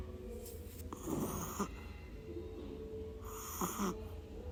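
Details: Sleeping Shih Tzu puppy: small snuffling, whistling breaths repeating every two to three seconds; snoring.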